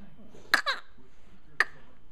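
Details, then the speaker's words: Infant girl with hiccups: two brief, sharp, involuntary catches about a second apart over quiet room noise while an adult talks to her. "You got those hiccups. Yes, you do. You got those hiccups. Yes, you do."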